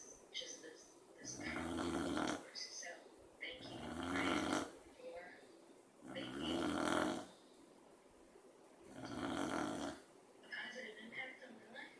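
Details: Beagle sleeping during an afternoon nap beside a dachshund that his snoring keeps awake; rough, rattling snoring breaths repeating about every three seconds, with softer whistling between them.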